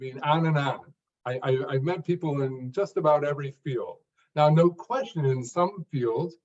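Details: Stuttering in an adult man who was once a severe stutterer, unable even to read aloud alone; he improved greatly through work and practice but still stuttered in later jobs.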